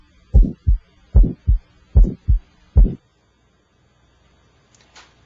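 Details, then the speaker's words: Electronic stethoscope moved from the apex to the aortic, pulmonic and tricuspid areas, listening for extra heart sounds or murmurs between S1 and S2, timed by radial pulse. Normal heart sounds, no murmur. "so now i'm not concentrating on the second or first heart sound i'm looking for extra hard sounds or murmurs"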